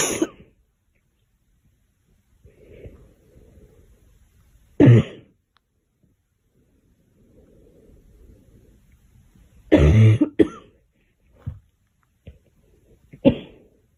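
Several separate coughs, some single and some in quick pairs, with quiet breathing between them.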